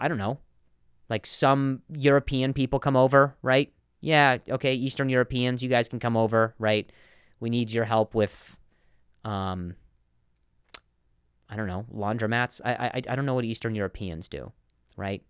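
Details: Stuttering in an adult male comedian who has stuttered for a long time and still sometimes does; repetitions of words and phrases heard.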